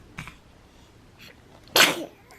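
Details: Sick baby, ill for several days: faint breathy sounds, then one short, sharp infant sneeze against quiet room noise.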